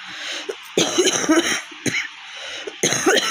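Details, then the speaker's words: Three harsh, forceful real coughs with rough throaty exhalations from a woman with a cold and sore throat after a week of fever; severe coughing. "তো সর্দি করেছে না, গলা পুরো ধরেই আছে।"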